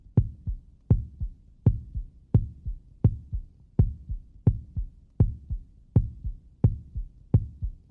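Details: Normal heartbeat sound effect: steady, regular heartbeat at about 84 beats a minute, each beat a strong thump followed by a softer one.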